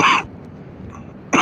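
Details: Two short, harsh cough bursts from an adult, separated by about a second of quiet: cough.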